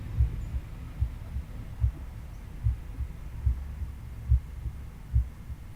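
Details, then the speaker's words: Normal heart sounds: regular low lub-dub at about 73 beats a minute, heard with the stethoscope diaphragm over the mitral area for S1 (mitral valve closure), patient lying at 30–45 degrees. "lastly place the diaphragm in the mitral area and listen for s1 which represents the mitral valve closure"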